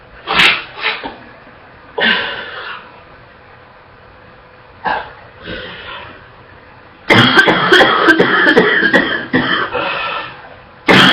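Repeated harsh coughs, then a long run of rapid coughing with gagging sounds: a barking, wet cough.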